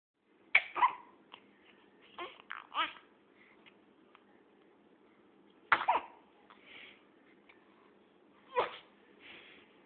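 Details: Baby giving a small, soft sneeze among quiet sucking and smacking sounds on a pacifier; sneezing.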